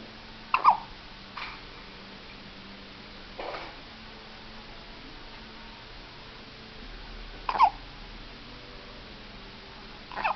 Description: my baby girl s having a hiccups